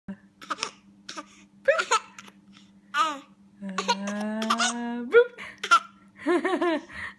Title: Hiccups and giggles.